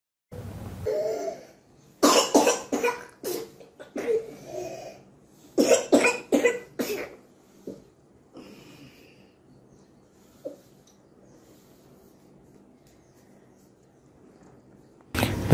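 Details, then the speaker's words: Patient with breathing difficulty, no relief from allopathic medicines, cough starting episodes and must sit up during cough: runs of rapid repeated coughs with drawn-in inspiratory whoop; whooping cough (paroxysmal cough with inspiratory whoop). "what sort of cough is this you were asking about the cough this is inspiratory woof right inspiratory woof"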